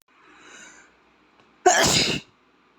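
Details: Young Asian boy sneezing, close up: a soft intake of breath, then one loud, explosive sneeze.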